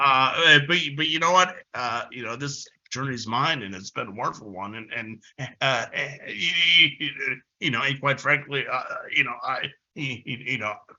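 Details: Adult man who has stuttered since about age six; stuttering.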